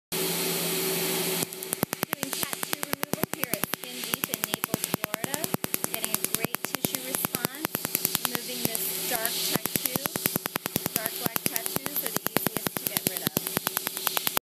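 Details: Laser tattoo removal treatment: rapid, steady, sharp snapping pulses at about three per second over a machine hum and hiss as the laser fires.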